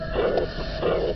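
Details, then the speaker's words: Diastolic decrescendo soft blowing murmur of aortic regurgitation, recurring each cycle: turbulent backward flow from aorta into left ventricle during diastole, shown in a heart murmur teaching example. "The turbulent flow here is occurring during diastole, when there is a pressure gradient between the aorta in green and the left ventricle in blue."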